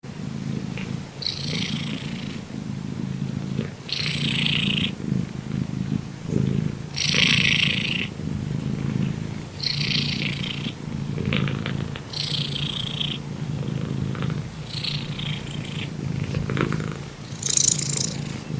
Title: Loud cat snoring makes the neighbors complain